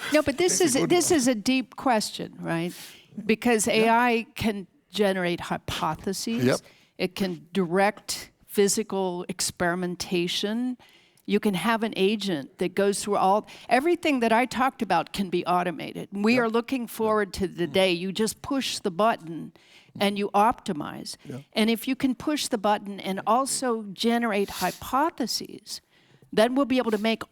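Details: Adult speaker; ordinary speech.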